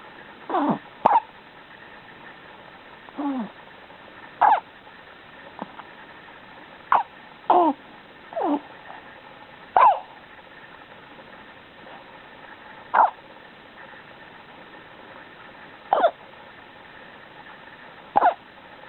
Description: She is very sweet when she hiccups!